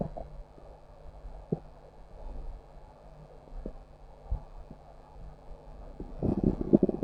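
Low gurgling and rumbling with scattered soft pops, ending in a louder growl; ordinary stomach growling.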